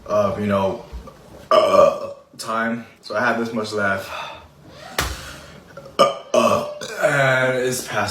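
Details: Male eating-challenge participant: a burp compilation of long, loud, voiced burps in close succession with brief pauses and faint room noise.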